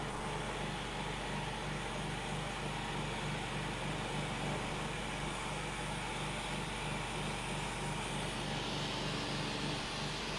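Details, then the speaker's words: Optiflow high-flow nasal oxygen therapy device (up to 80 L/min) running during an unboxing demonstration, oxygen at 21%, flow ramping up until it reaches its set litres per minute. "voilà là il a atteint les façons litres par minute"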